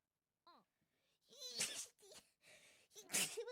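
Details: Sharp intake of breath then two bursting sneezes with a brief high vocal sound between, in a quiet room, from a Hololive VTuber stream; sneezing.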